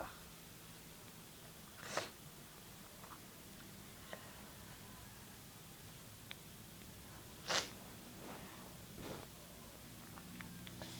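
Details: Two sharp sneeze bursts over quiet room noise with fainter snorts or sniffs between; the person remarks it was really wet; sneezing.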